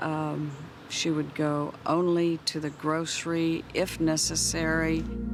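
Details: Adult woman speaking; typical speech.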